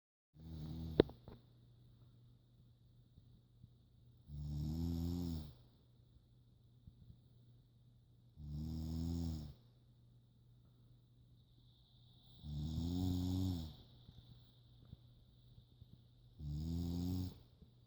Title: Snoring Animal